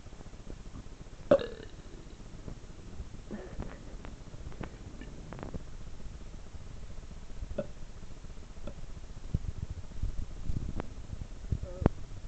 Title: he thinks burping is funny